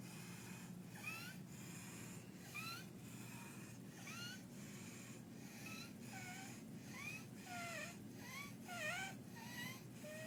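Harsh, high-pitched noisy breaths recur about every second and a half, typical of inspiratory stridor in croup.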